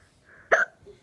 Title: I had hiccups I’m sorry 😐